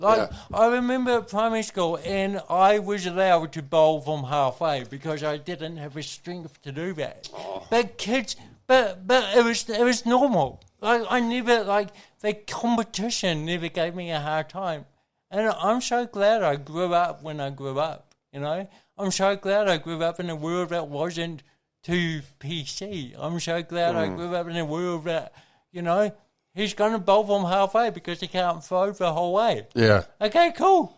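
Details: Adult man with cerebral palsy from birth, caused by oxygen loss to the brain during delivery; he says his thinking and articulation are intact; dysarthria (cerebral palsy).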